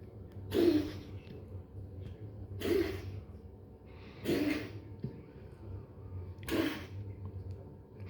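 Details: Four short, harsh coughs spaced about two seconds apart, with a steady low hum behind them, recorded at 15:00.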